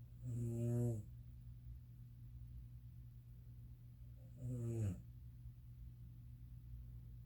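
Two loud, low, rattling snores on breathing in, about four seconds apart, with quiet breathing between: ordinary snoring.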